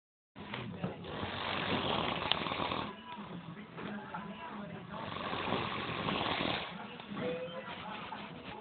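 Loud, rough, rattling breaths roughly every two to three seconds, with faint background talk: heavy snoring.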